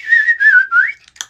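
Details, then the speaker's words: Sudden burst of wavering whistles ending abruptly, an uncontrollable whistling vocal tic in a person with Tourette's syndrome; severe weekly tic attacks, epilepsy excluded by neurologist. "I woke up and I just started like twitching really badly and whistling uncontrollably."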